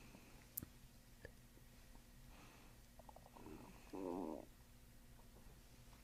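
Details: Chiropractic treatment session, patient asked to breathe into the belly while pressure is applied: a brief bubbling gurgle from the abdomen over faint room noise; borborygmi.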